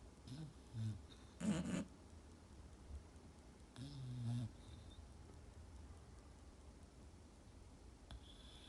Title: My Funny Enlish Bulldogs Snore Like Old Men!